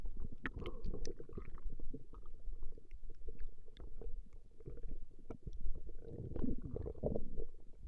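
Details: Woman's stomach growling from a 20-minute recording: low, irregular gurgling and rumbling from the belly throughout; ordinary borborygmi.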